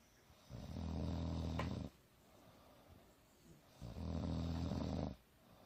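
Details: Adult woman (mother) snoring during a nap on the couch, alternating loud and softer: two long, loud, low rattling snores about three seconds apart with quiet breathing between; ordinary loud snoring during sleep.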